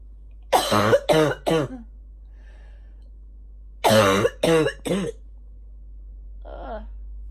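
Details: Two bouts of three harsh, loud, voiced, barking coughs each, then a short breath, from a female in the morning; barking cough.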